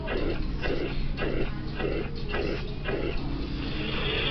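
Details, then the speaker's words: Systolic murmur with uniform (holosystolic) shape; mitral regurgitation murmur. "It is uniform, crescendo decrescendo, or decrescendo. This is a uniform murmur, also known as holosystolic."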